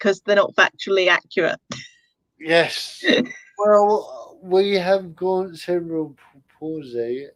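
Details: Dysarthria in an adult male with spastic cerebral palsy. He cannot control his limbs properly and his speech is affected. He attributes it to lack of oxygen at birth, when he stopped breathing.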